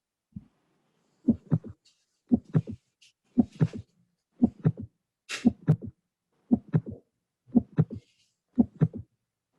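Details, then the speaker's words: Triple rhythm near 58/min with no murmur, three sounds per cycle; teaching quiz where the extra sound could be a third sound, ejection sound, split second sound, fourth sound or mitral valve prolapse click; majority voted third sound. "so we have no murmur just an extra sound let's listen again no murmur an extra sound we have three sounds"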